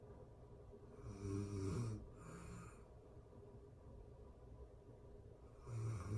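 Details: Real-time recording of a person asleep: low, fluttering snores on breathing in, with quieter pauses between breaths; ordinary snoring.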